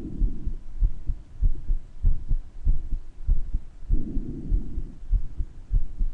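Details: Person's own heart murmur recorded with breath sounds, louder in some parts than others: regular low heartbeats at about 100 a minute with a soft whooshing between beats; heart murmur.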